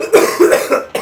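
Three or four short, rough cough bursts in quick succession from an adult, performed as a joke.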